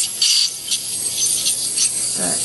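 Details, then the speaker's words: Steady high-pitched hiss and rasping scrape of an ultrasonic dental scaler with water spray removing heavy tartar from a small dog's teeth, worst on the back molars, with reddened gums that bleed easily. "the next tool we use is an ultrasonic scaler it uses ultrasonic waves to blast the tier off the teeth sprays water at the same time so the teeth don't get overheated"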